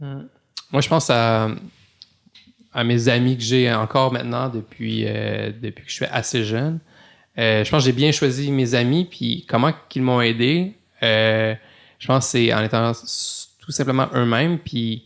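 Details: Stuttering in an adult male lawyer who stutters, heavily in some situations, and who has gradually faced speaking challenges such as dictating and phone calls.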